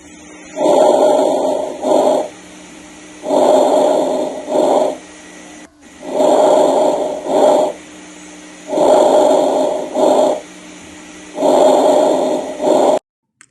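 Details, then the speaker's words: Pulmonary crackles (rales): intermittent, discontinuous bubbling or crackling lung sounds produced by the opening of previously closed small airways, predominantly inspiratory. "son ruidosas que antes burbujeantes o estrepitosos en los pulmones se producen durante la apertura de las pequeñas vías respiratorias previamente cerradas"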